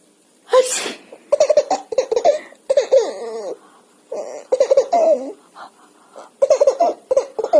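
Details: A parent's sneeze opens the clip, followed by the baby's repeated bursts of giggling and laughter in reaction, with brief quiet pauses between the bursts.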